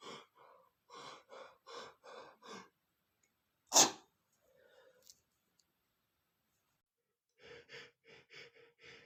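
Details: A male builds through a run of short voiced catches to one loud, explosive sneeze, blamed on dust, followed by a few brief breathy syllables.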